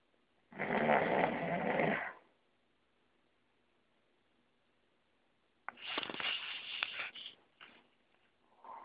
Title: snoring 3. the project continues